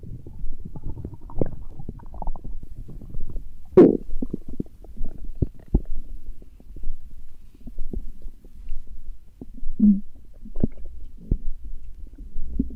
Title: Stomach growling, Урчит в животе